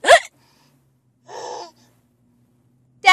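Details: A 9-month-old baby boy makes short, sudden catching sounds separated by a brief voiced squeal, consistent with infant hiccups with giggling.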